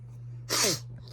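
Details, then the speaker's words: Adult recovering from illness, still with stuffy, runny nose and ongoing cough: one short, harsh expulsive burst with a brief voiced tail over a steady low electrical hum, a single dry cough. "I feel much better but my nose stopped up and still running and still coughing so yeah yeah"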